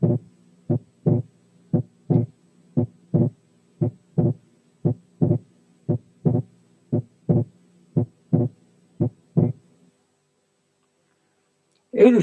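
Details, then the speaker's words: Persistent splitting of the second heart sound in right bundle branch block, breath sounds filtered out: slow regular heartbeat, S2 split on both inspiration and expiration, split sometimes narrow and sometimes wide. "الشريط تاني عشان تلاحظوا ان السبليتنج ساعات بيبقى نارو وساعات بيبقى وايد، انما موجود باستمرار، وده بيحصل في حالات الرايت باندل برانش بلوك."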